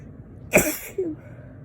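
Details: Allergy sneeze, softer than usual, after a tickly nose and frequent sneezing for a couple of days; a single sudden, hissing sneeze burst followed by a brief voiced after-sound.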